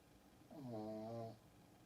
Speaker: I don't know if y'all can hear the dogs snoring, but she's living her best life right now, and it's getting close to time to take her out for a walk.